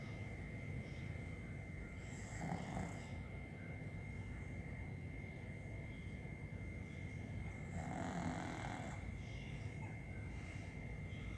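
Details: Sleeping overweight dog snoring: two slow, low snoring breaths about six seconds apart over a steady hum; ordinary snoring.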